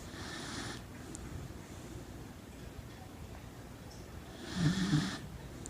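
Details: A female Corgi asleep and tired after a big day at the dog park, with low rumbling noisy breaths and a louder snorting breath near the end; loud dog snoring.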